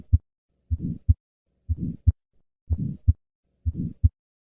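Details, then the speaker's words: Patient with an innocent systolic murmur, early-peaking, from turbulence across a normal aortic or pulmonic valve, heard best at the second right intercostal space; innocent systolic murmur. "in summary innocent systolic murmurs are due to turbulence across the normal aortic or pulmonic valve these murmurs occur in more than 50 percent of normal individuals"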